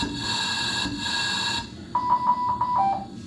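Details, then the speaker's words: Simulated ventilator circuit disconnect on test lungs, Drager V500 adult ventilator: loud repeating high-priority red alarm tones that escalate in sound and urgency. "alarm disconnect it escalates in um sound the sound escalates even if this is facing away you can still see the red on it"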